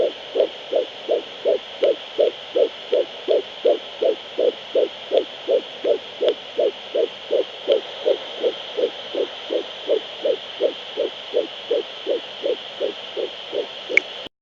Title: 11 weeks and 5 days fetal heartbeat